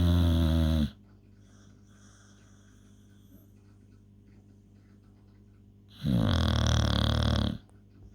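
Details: Two long, very loud, rumbling snores from a sleeping dog, with quiet breathing between them; snoring.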